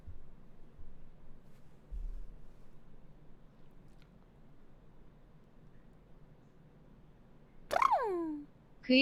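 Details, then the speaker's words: Streamer with hiccups holding breath to stop them: after quiet room noise, a sudden sharp voiced squeaky hiccup, then another begins at the end. "숨! 딸꾹질 멈출 때까지 숨 참는다. 하나, 둘, 셋."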